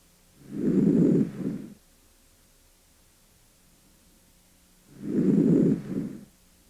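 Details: Posterior thorax auscultation with stethoscope diaphragm while the patient breathes deeply through the mouth: two breaths, soft rushing inhalation, shorter quieter exhalation; normal breath sounds.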